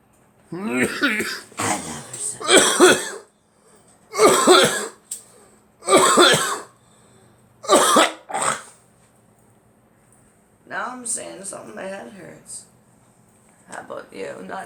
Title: Girl coughing